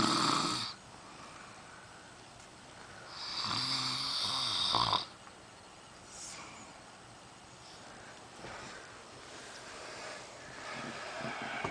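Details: Adult man snoring in sleep, who denies snoring: rasping, rattling snores on slow breaths in, with quieter breathing between.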